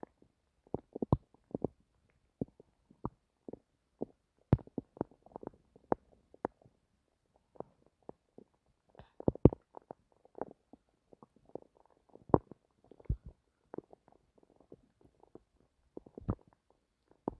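Irregular gurgles, pops and clicks of stomach growling in a quiet room. These are normal bowel sounds.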